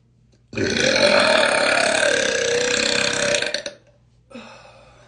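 One long, loud, rattling belch lasting about three seconds, then a brief softer sound.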